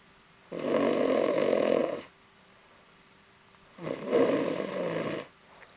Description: My adorable but very lazy cat Sofi sleeping on top of the couch and snoring